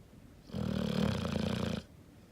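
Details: 5-month-old English Mastiff puppy, loudest sleeper, sometimes wakes owners at night: single loud, fluttering, coarse vibrating snore lasting over a second. Snoring.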